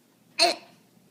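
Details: A child, who reports a sore throat, gives a single abrupt, short vocal catch with a quick fade in a quiet room; hiccup.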